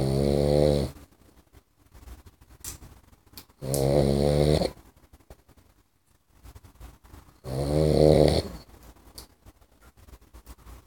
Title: Puppy Boxer Snores. Sound!!!!